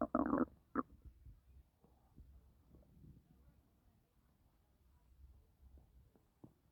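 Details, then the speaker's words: Woman 5 months pregnant, doing housework (packing clothes), says her stomach feels very uncomfortable; title mentions a near miscarriage. A brief gurgle, then soft, scattered low bubbling: stomach growling (borborygmi). "Um, my stomach, I feel like I am very uncomfortable."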